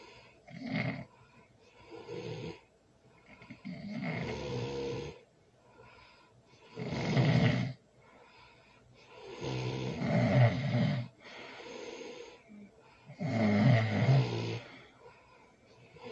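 Loud, rough snores on each breath, about 18 a minute, slightly irregular, with softer noisy breaths between; heavy snoring.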